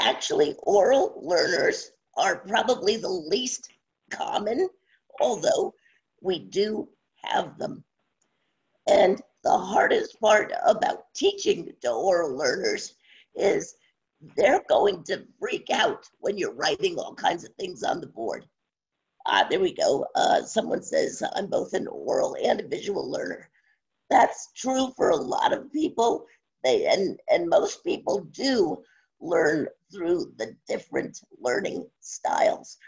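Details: Adult woman with spasmodic dysphonia since around 2010, progressively worsening, no cure; awaiting a postponed Botox injection. Scratchy voice; spasmodic dysphonia.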